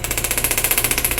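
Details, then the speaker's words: Radial (pneumatic) shockwave device used with ultrasound gel over the psoas/hip flexor and lower abdomen for scar tissue, about 1200 hits; rapid, even train of sharp taps, roughly fifteen per second. "shockwave is a pneumatic gun uh there's a bullet in the tube here that uh smacks the end of this and it beats up a ton of scar tissue"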